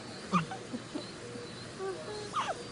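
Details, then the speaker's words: Soft, brief high-pitched squeaks from a premature infant in the NICU on day 58, born at 25 weeks 6 days weighing 410 g; hiccups follow. Normal small vocal sounds over quiet room hum. "y'all hear the little squeaks? Can you hear the little squeaks?"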